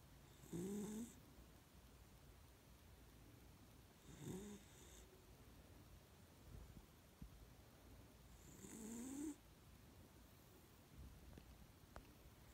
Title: My snoring dog